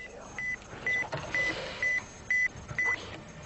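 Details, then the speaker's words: Six short, high-pitched pulsed audiometer beeps played during audiometry so a male tinnitus patient can match his tinnitus pitch; a lower tone matches better. His audiogram shows a slight high-frequency deficit. "voilà donc est-ce que votre bruit ressemble à ce bruit là Monsieur plus bas comme ça c'est mieux"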